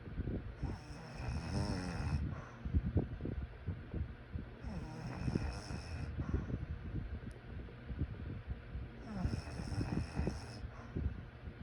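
Rattling, fluttering snores come about every four seconds, roughly 14 breaths a minute, with quieter breath noise between. Snoring during sleep.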